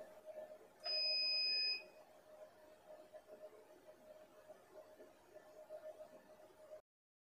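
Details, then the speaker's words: A short high beep, then a steady faint tone with soft ticking, from a 70W fractional CO2 laser (duration 0.3, interval 3, dot distance 0.7, overlap 1) fired by foot pedal with the handle vertical to the skin. "now we click standby and click ready then we step the pedal to do the treatment hold the handle vertical to the skin and to do the treatment"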